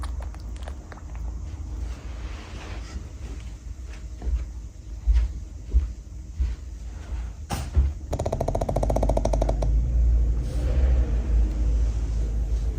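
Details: Pug snoring while napping: low rumbling breaths with a brief buzzing, fluttering snort partway through.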